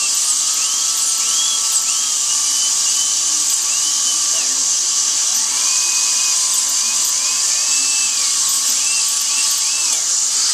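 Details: Steady high-pitched whine of a dental drill with small pitch dips as it cuts, during a needle-free bonded white filling of a decayed tooth; dental drilling.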